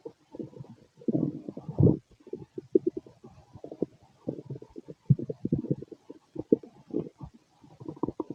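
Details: Late-night recording of a man's belly after a large meal, feeling gassy: low gurgling, bubbling rumbles in irregular bursts, ordinary stomach growling (borborygmi) from gas and fluid moving through the gut.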